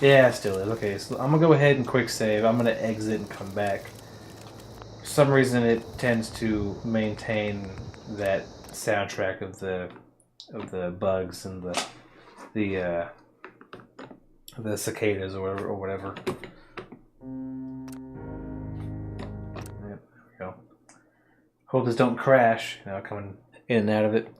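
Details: Adult man with a stutter present since childhood that took many forms and worsened around puberty; he reports using face scrunching or filler words to force past it: stuttering.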